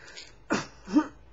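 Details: Adult woman with Tourette's syndrome; haloperidol decreased phonic tics but increased motor tics, now switched to thioridazine 25 mg; throat-clearing-like vocalization interrupting speech; vocal (phonic) tic.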